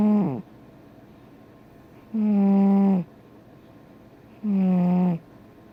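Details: Regular buzzy, tonal snores from a sleeping big cat, each about a second long, roughly 26 a minute, against a quiet room; snoring.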